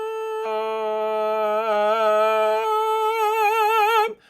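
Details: Male singer with laryngitis for two weeks, vocal folds still swollen, recovering voice; singing from mode 2 into mode 1 with noise at the register transition where not everything vibrates, suggested due to swollen fold epithelium: voice roughness at register transition.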